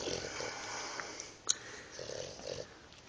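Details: Dog snoring like a pig; snoring.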